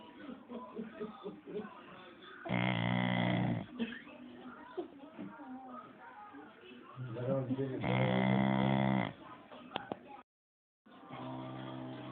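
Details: Loud, rough, buzzing snores from a dog in long breaths, separated by quieter breathing and faint voices in the room; snoring.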